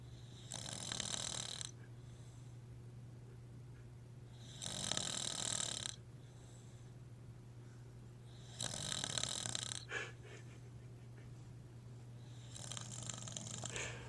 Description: Some guy snoring somewhere in Florida